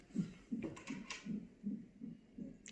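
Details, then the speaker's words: Fetal heart monitor during a Foley catheter induction at 38 weeks with a second baby, reapplied after the mother noticed bleeding; rapid, regular whooshing beats at about 155 per minute, within the usual fetal range. "they've strapped me back onto this monitor to check the baby's heart rate and see everything's alright"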